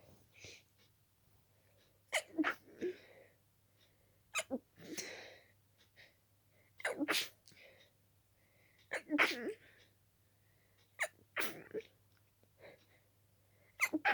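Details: About six sharp wet sneezes in rapid succession, some stifled, short breaths between; intensely itchy nose, allergic sneezing fit from dust allergy.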